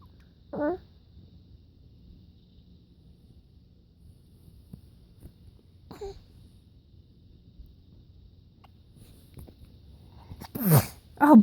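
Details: 5½-month-old baby girl fake sneezing because she finds sneezes funny: a few short, sharp sneeze-like bursts, a playful imitated sneeze rather than a true sneeze.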